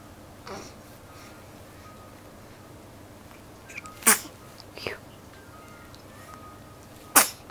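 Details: Twin baby brother sneezing: two sharp, brief bursts with a softer one between them in a quiet room; small sneezes.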